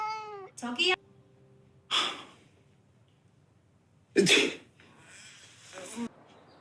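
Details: Acted sneezes from a TV drama, by characters sneezing from cat allergy or illness: a meow, then two short, explosive bursts and a softer third sneeze, over music.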